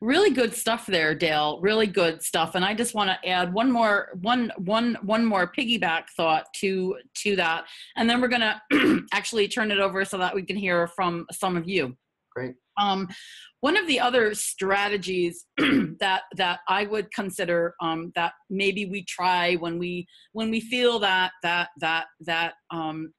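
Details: Adult who stutters, presenting a workplace self-advocacy webinar with audible part-word and word repetitions; stuttering.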